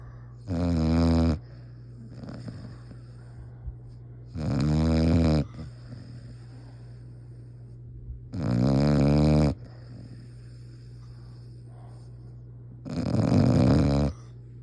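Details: Snoring: four loud, deep, rattling snores, about 15 a minute, with a steady low hum in the room.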